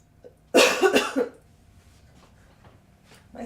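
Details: Short burst of three or four harsh coughs from an adult woman, ending in a throat clear; she says her throat is raspy and her voice barely working this week.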